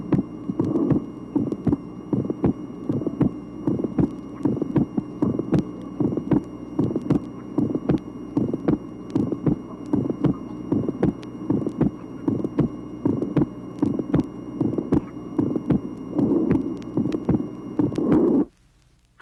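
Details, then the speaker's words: Teaching heart recording from 1967, tracing 7: regular heartbeat near 77/min with several sharp early systolic ejection clicks just after the first sound, from sudden blood flow into a distended aorta or pulmonary artery. "tracing number seven presence of several clicks at the beginning of systole due to the sudden flow of blood into the distended aorta or pulmonary artery"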